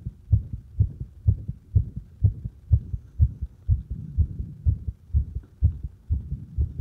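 Regular low heart sounds at about 62 beats a minute, heard at the apex with firm stethoscope pressure; a normal finding.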